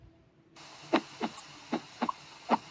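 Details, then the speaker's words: Teaching example of normal cardiac auscultation with the stethoscope bell: paired soft thumps, lub then dub, in a steady normal rhythm; normal first and second heart sounds. "Então, o primeiro som é uma oscuta cardíaca normal."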